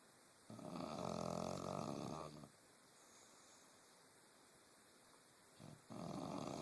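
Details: Someone snoring during a nap: one long, loud rattling snore on an in-breath, a quiet pause, then the next snore beginning; steady room hum underneath.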